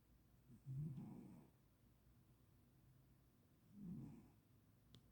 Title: cat snoring.